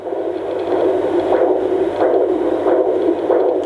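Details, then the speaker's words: Maternal pulse heard on a home fetal Doppler (AngelSounds or Jumper) at 8+3 or 15 weeks of pregnancy: slow, regular whooshing near 90 a minute, clearly slower than the fetal heartbeat, the mother's own pulse. "ist jetzt irgendwas anderes ist deutlich langsamer umtun her das ist dann nicht das herz das ist in meinen eigenen puls und zu vergleichen"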